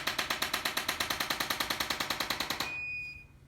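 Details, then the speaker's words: Rapid, even mechanical tapping at about 200 per minute, then a brief high beep as an adjusting instrument senses restored joint motion and shuts off. Chiropractic treatment of shoulder pain at the collarbone. "So we're going to make some adjustments in a couple of these areas that basically reprogram it. Right here in the collarbone."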